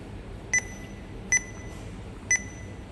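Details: Three short, high electronic beeps over quiet room hiss: keypad tones from a PCA/PCEA infusion pump being programmed with drug concentration 10 micrograms per mL.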